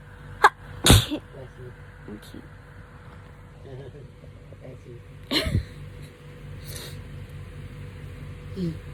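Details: Hay fever sneezing, filmed over 3–4 days: two loud, abrupt sneezes several seconds apart over quiet room noise and faint talk.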